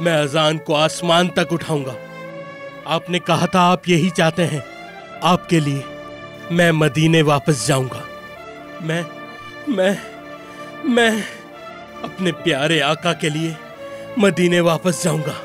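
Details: Adult male, acted voice; typical speech.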